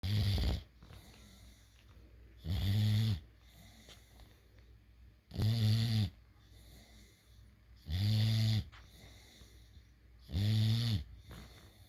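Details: Sleeping small dog snoring: regular low rumbling snores, about 5 in 12 seconds; ordinary snoring.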